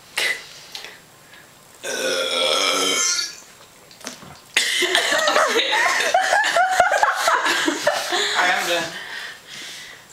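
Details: Burping contest: several loud, drawn-out deliberate belches broken up by talking and laughter in a room; voluntary burping.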